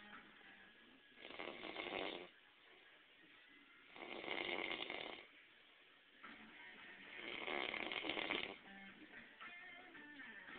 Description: he' snoring really loud and we are having a hard time trying to wake him up!